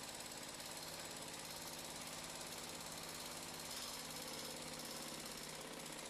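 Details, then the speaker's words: Continuous rapid mechanical hammering and rattling from an Air Pulse pneumatic tool, attached via coupling block and special connecting screw, extracting an unreamed tibial nail (UTN) with gentle impulses after the end cap and locking bolts are removed. "the air pulse is applied and the utn is removed with gentle impulses"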